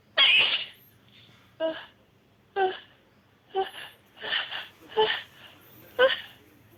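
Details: Girl sneezing rapidly: seven quick sneezes in a row, each a sharp explosive burst of air, close together in a rapid run.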